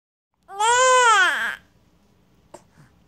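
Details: Infant who has the hiccups gives one brief rising-then-falling cry, followed by a faint click in a quiet room.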